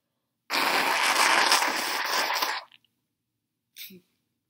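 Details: Adult with a cold, sneezes provoked with a Chhinkni sneezing powder: one long, forceful, hissing sneeze lasting about two seconds, followed by a brief sniff; strong sneezing.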